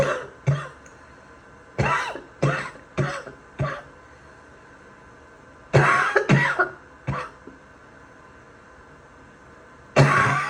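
About ten harsh, abrupt adult coughs in short clusters, with a wet, barking quality.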